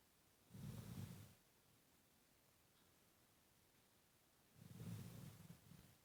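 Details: Sleeping and snoring: two low, rumbling snoring breaths about four seconds apart, with quiet pauses between them.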